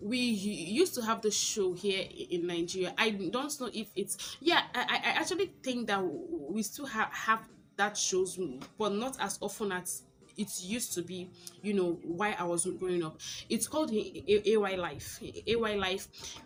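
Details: Adult woman who stammers; stuttering.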